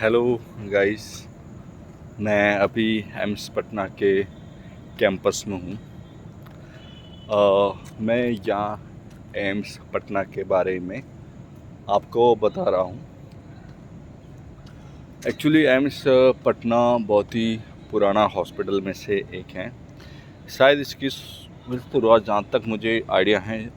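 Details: Stuttering in an adult male Hindi speaker practising speaking, with word repetitions.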